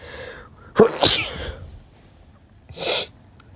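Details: Male with pollen allergy sneezing: a sharp inward gasp, then two forceful explosive sneezes.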